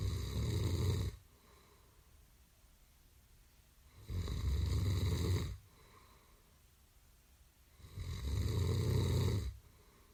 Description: 다소 심하게 코 고는 소리를 1분 29초간 녹음한 소리_I recorded a little loud snoring sound for 2 minutes and 29 minutes.